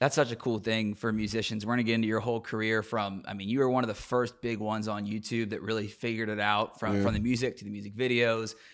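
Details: Adult man; typical speech.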